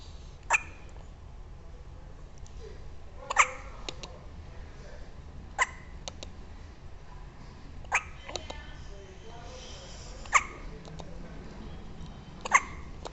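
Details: Hiccups: six sharp, brief hiccups at uneven intervals, roughly every two seconds, over quiet room noise; the speaker just before says she thinks she is having uterine contractions.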